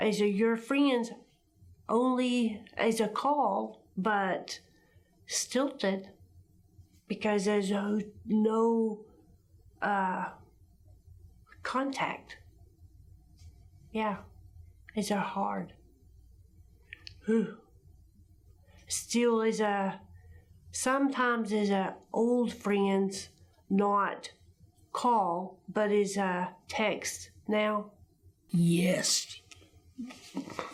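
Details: Person with aphasia producing agrammatic, broken sentences; aphasia (agrammatic speech).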